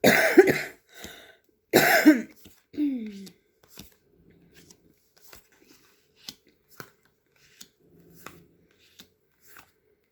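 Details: Two short harsh coughs followed by a throat clear, then a quiet room with small handling sounds: cough and throat clearing.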